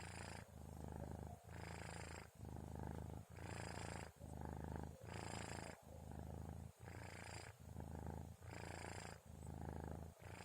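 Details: Kitten snoring while sleeping at about 2:30 a.m.: a steady, low rumbling snore rising and falling with each breath, about 33 breaths a minute; ordinary, harmless snoring.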